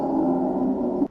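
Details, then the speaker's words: Lung auscultation teaching example of wheezing: a steady, musical, whistle-like continuous tone heard over a longer part of breathing, from narrowed airways; wheeze. "wheezing keyboard here is musical it's a continuous sound because it's hurt for a longer duration during breathing think wheeze whistle like a musical"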